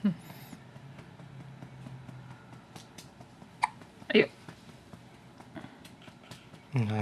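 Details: Sleepy infant girl with hiccups: several brief, abrupt gulping catches a few seconds apart over quiet room noise while being soothed toward sleep.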